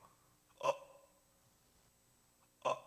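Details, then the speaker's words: Instructor's imitation of agonal (gasping) breathing in a cardiac-arrest and AED training: two brief, isolated throaty gasps with silence between. The body instinctively tries to breathe, but the chest does not rise, signalling cardiac arrest. "이런 소리가 나는 겁니다. 그래서 껄떡 호흡이 있다, 혹은 그걸 임종 호흡이라고 하거든요."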